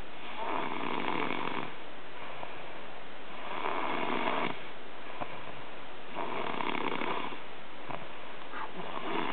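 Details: Rough, rattling snores on each breath in, about 20 a minute, over steady background hiss; snoring during sleep, recorded in 2009.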